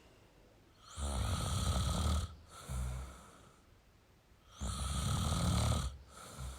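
Deep rattling snores on each in-breath with softer out-breaths, about two cycles in six seconds: adult snoring.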